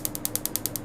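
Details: Rapid, evenly spaced sharp clicks, about ten a second, from a pico laser firing during tattoo removal on a man's skin treated with serum; he reports only mild, tolerable pain.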